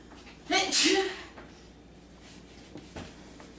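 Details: Girl sneezing, with allergies and sinuses tagged: a single loud sneeze with a sharp in-breath and explosive burst, then a quiet room with faint movement.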